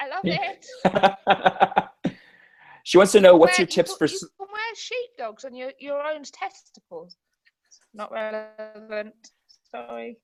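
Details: Tourette syndrome vocal tics in a woman, repeated involuntary 'biscuit' tics; she reports no control over them and that they can be triggered by things she sees or hears.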